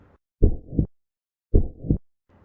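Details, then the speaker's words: Normal first and second heart sounds on cardiac auscultation: two slow, regular heartbeats, each a clear lub (atrioventricular valve closure) then dub (semilunar valve closure), with no extra sounds. "Les auriculo-ventriculaires sont donc responsables du premier bruit et les semi-lunaires du deuxième bruit. À l'auscultation du cœur, ça donne ceci. B1, B2, B1, B2."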